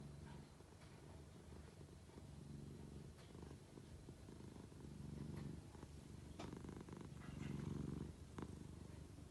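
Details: A sleeping cat snoring: a soft, low rumbling snore that rises and falls with each slow breath.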